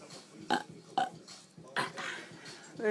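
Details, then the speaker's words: Burping contest: three short, abrupt belch-like bursts over a noisy background; brief burps. "oh my god okay we're gonna do a biggest belch contest back that's your turn"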